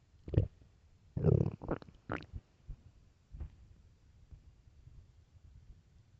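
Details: Stomach growling from hunger: several close low gurgling and rumbling bursts, then softer irregular gurgles; normal bowel sounds (borborygmi).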